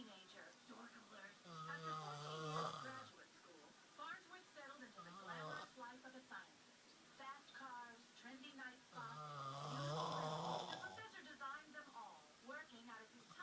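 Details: Sleeping person snoring with sleep talking: loud rasping snores mixed with mumbled, speech-like sounds while asleep.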